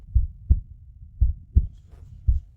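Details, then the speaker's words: Regular low whooshing thumps from a monitor at a doctor's checkup: a fetal heartbeat in a dramatized pregnancy scene from a short drama, with the baby reported normal. "Suara apa ini lagi? Ini detak jantung bayi."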